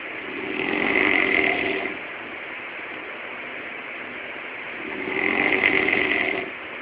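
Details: A man snoring, though he says he doesn't snore: two long, rough, rattling snores separated by quiet breathing, about one every four to five seconds.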